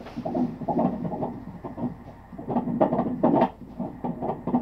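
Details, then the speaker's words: Obstetric ultrasound of a male fetus whose head measures slightly large, with standard abdomen and thigh measurements and normal amniotic fluid: rapid whooshing pulsing fetal heartbeat, roughly 140 a minute, within the normal fetal range. "心跳。 刚有看心跳。"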